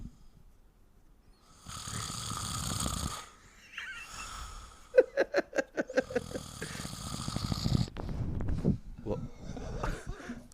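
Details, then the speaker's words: Adult vocally imitating their dad's snore (simulated, not real snoring): harsh rasping breaths, then a rapid fluttering rattle and snorting noises. "Anyway, this is my dad's snore."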